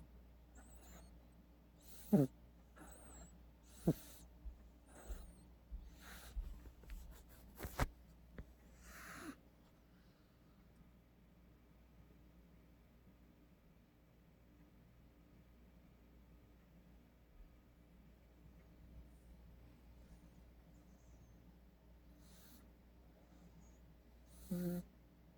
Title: 고양이 코고는 소리 / Snoring Cat Sound